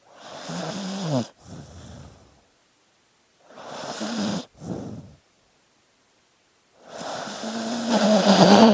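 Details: Sleeping dog snoring rhythmically and loudly, each a rattling breath in followed by a softer breath out, about three cycles in nine seconds.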